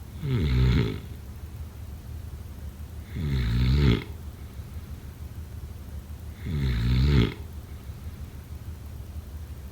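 Three loud, low, rattling snores on inhalation, roughly 18 breaths a minute, with quiet exhalations between: typical snoring during sleep.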